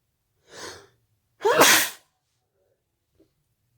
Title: Sneezing I really need a tissue